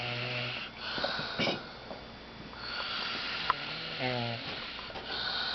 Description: A friend of mine sleeping...and snoring loudly